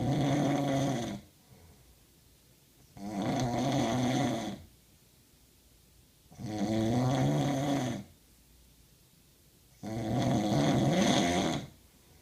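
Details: Person snoring: four loud, rough, rattling snores at regular intervals, roughly 17 breaths a minute, with quiet pauses between; heavy snoring.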